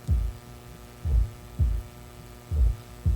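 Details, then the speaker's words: Normal heart sounds as a comparison in a talk on children with heart murmurs: regular low lub-dub pairs with a steady hum behind, no murmur. "Cómo se escucha un corazón normal más o menos"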